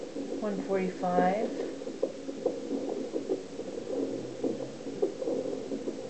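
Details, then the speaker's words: Fetal heartbeat on Doppler during a second fetal monitoring appointment: rapid, regular whooshing pulses at about 140 a minute; the mother notes the rate went down a little while the active baby rests. "And the heart rate is right over here. Went down a little bit."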